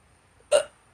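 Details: Young man with hiccups: one abrupt, sharp gulping catch in a quiet room, a single hiccup.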